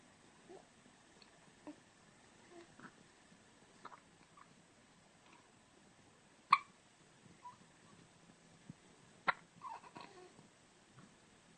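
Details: Soft, abrupt little catches repeating about 20 a minute in a quiet room; hiccups.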